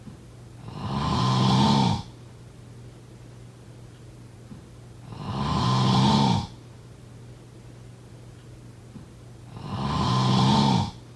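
Three loud, rattling snores on breathing in, about 14 a minute, with quiet gaps between.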